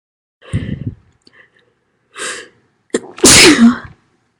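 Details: Female sneezing: several sneezes with sharp inhaled lead-ins, ending in one very loud explosive sneeze.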